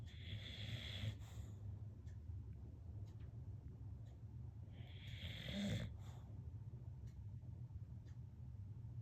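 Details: Sleeping bulldog snoring: two loud, rough, hissing breaths about four seconds apart over a steady low rumble.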